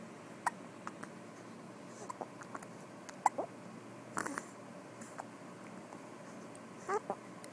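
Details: Soft, brief, repeated hiccups from a baby girl in the morning, at irregular intervals over quiet room noise; she is smiling between them.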